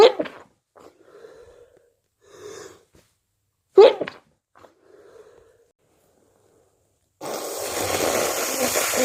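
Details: Two forceful wet sneezes with short inward breaths between, then a long hissing nose blow; sneeze.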